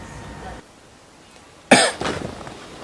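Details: Simulated cough: one short, harsh cough burst after a quiet pause, acted by a child pretending to be sick to skip school in a comedy skit.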